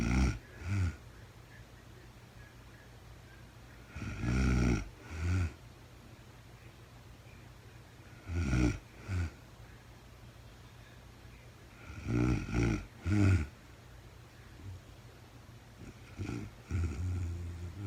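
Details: Real-time sleep recording of a woman snoring, no talking: low, rattling snores in paired bursts with quiet breathing between, about 15 a minute; ordinary sleep snoring.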